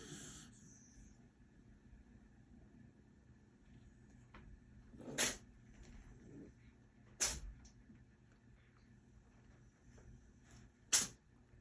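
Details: Rescued kitten having a sneeze attack: three short, sharp, hissing sneezes several seconds apart over quiet room noise; repeated sneezing.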